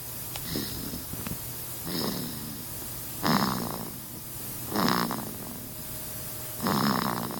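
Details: Sleeping baby snoring: soft rhythmic snoring, about five breaths in seven seconds, with gentle rattling on each breath.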